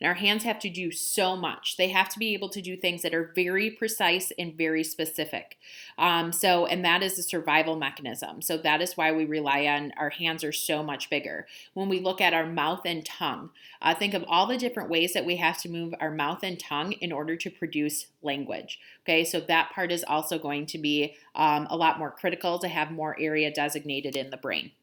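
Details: Adult woman speaking; normal speech.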